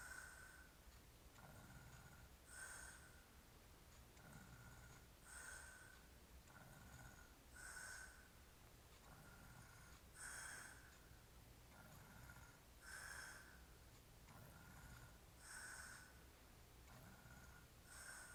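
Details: Sleeper with a hairy chest, described as drunk, snoring steadily and rhythmically at about 23 breaths a minute, with a rattling noise on each breath during sleep.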